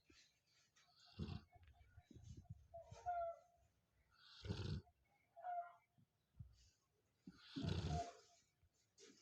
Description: cute labrador dog is sleeping and snoring